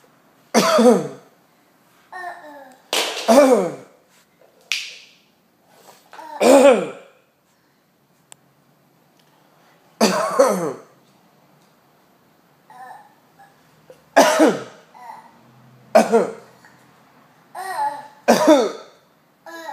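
Several short, deliberate coughs in a small room, with an infant's babbling and vocal reactions in between.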